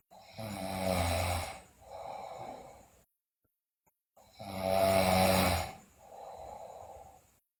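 Two loud, buzzing snores, each a long in-breath followed by a softer out-breath, with a pause between: loud snoring in a sleeping child.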